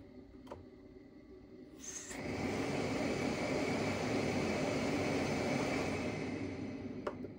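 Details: Philips Respironics System One REMstar Pro C-Flex+ CPAP machine with 2351 hours of use: quiet room, then a steady whooshing blower noise starts after about two seconds and holds level.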